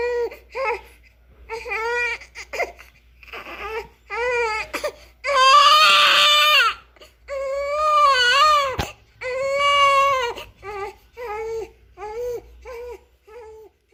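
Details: Newborn baby crying with repeated rising and falling wails, some loud and strained, with short gasping pauses between cries; normal newborn cry.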